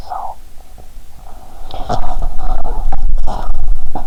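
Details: Bowel sounds from an adult's stomach, recorded by stethoscope while lying down after drinking cola and swallowing Mentos, with the stomach described as at its limit; heart sounds are also faintly audible.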